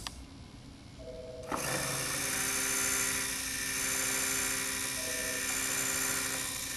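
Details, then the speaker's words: Steady high-pitched whine of a W&H Implantmed motor running the yellow-coded 2.8 mm MIS drill with its stopper. It is preparing a 13 mm-deep osteotomy for a dental implant, drilled with in-and-out motions. "next the 2.8 mm drill which is colorcoded yellow along with the stops themselves which are also yellow"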